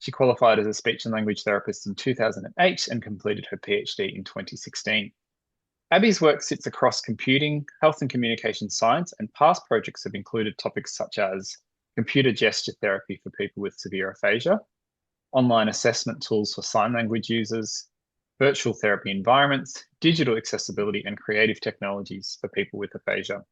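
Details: Adult male speaker; Normal fluent speech.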